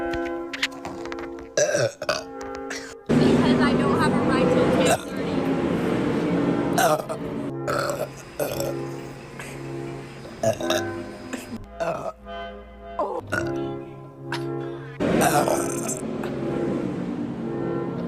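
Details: Daughter burping: long, loud, drawn-out belches, several in a row, over background music.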